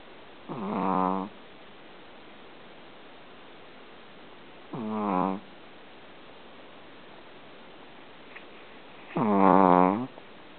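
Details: Snoring.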